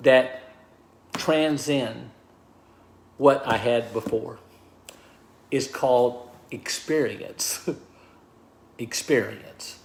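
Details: Aphasia in a man of about 63 after a stroke, diagnosed 26 months earlier; at first he could not talk or write, and he is relearning speech.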